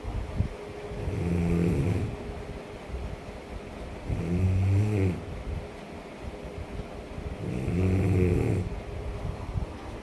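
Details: Steady rhythmic snoring: deep, rumbling snores on each breath in, about 19 a minute, with quiet breathing between.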